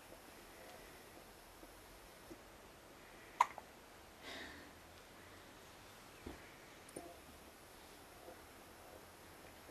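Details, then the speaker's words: A male unable to fall asleep because hiccups keep him awake: about three faint, sharp hiccup clicks a few seconds apart in a quiet room; hiccups. "Can't even fall asleep. He's got the hiccups. I know, it's keeping him awake."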